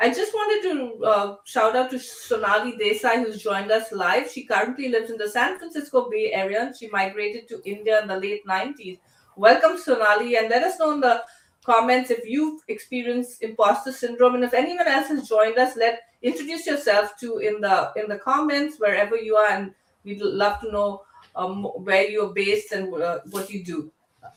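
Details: Adult woman; normal speech.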